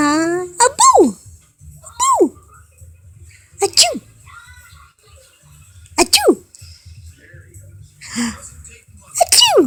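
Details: Grandma talking playfully to a baby makes repeated short, sharp sneeze-like bursts between baby talk, then says "Excuse me"; described as burps, likely not real sneezes.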